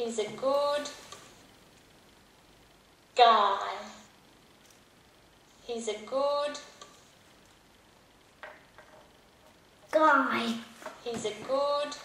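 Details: Five-year-old boy with childhood apraxia of speech, in speech pathology treatment for over 3 years, practicing phrase repetition with a speech app; childhood apraxia of speech.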